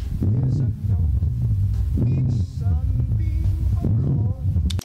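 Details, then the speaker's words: Rhonchi, a lung sound like snoring or gurgling: a low, coarse, snoring rumble through repeated breaths, from secretions in the larger airways. "Fifth is ronai. This sounds like snoring or a gurgling noise."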